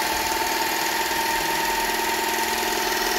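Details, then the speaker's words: Propulse electric ear irrigator running, used to wash out ear wax with a fine jet of water into the ear canal: steady pulsing pump hum. "this is the irrigator uh the pro pools now you might have um if you've ever been to your GP practice senior District nurse this is probably the most common one that they use and the theory behind this one is you put this under your ear and using this it's worked a fine jet of water into here"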